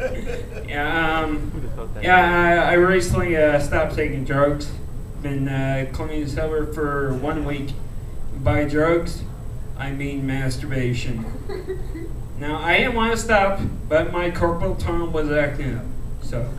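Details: Adult male comedian with a rare disease he calls cerebral ataxia, which he says slows his speech; ataxic dysarthria.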